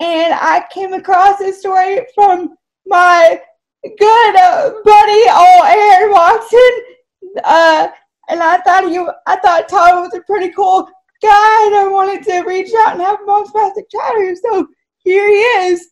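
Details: Dysarthria from cerebral palsy in a woman who says her speech is clearly affected by the condition.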